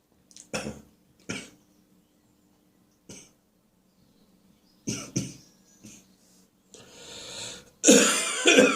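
An adult gives about eight short, sharp, harsh coughs in irregular bursts, a barking cough with a cold.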